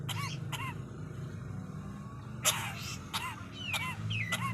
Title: burung Nuri lagi batuk